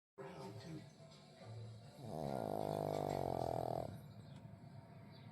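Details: Loud snoring from a pug, a flat-faced dog: quieter noisy breathing, then a loud, long, rattling breath with a buzzy, vibrating tone.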